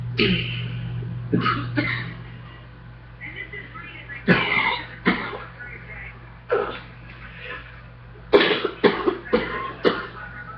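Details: Coughing repeatedly right after getting off a treadmill: about ten harsh coughs in clusters; persistent coughing fit after exertion.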